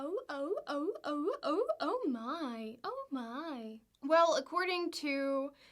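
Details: Woman with Tourette syndrome, tics beginning about age 20 and described as semi-voluntary urges she cannot resist; repeated interjections mid-sentence; vocal tics.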